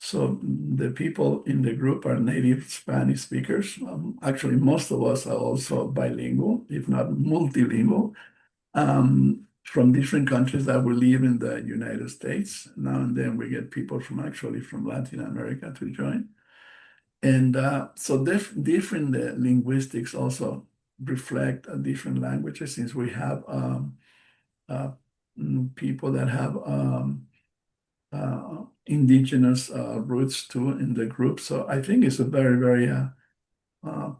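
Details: Adult bilingual man, non-native English speaker, with aphasia after a stroke in March 2020: post-stroke aphasia.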